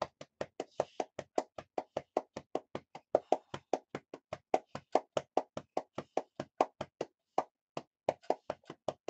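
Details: Cystic fibrosis patient's lower lobe chest therapy, with blood coughed from the lungs over the last two to three days: rapid hollow clapping on the chest, about 146 a minute with brief pauses, from percussion for airway clearance.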